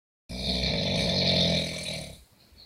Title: Loud snore.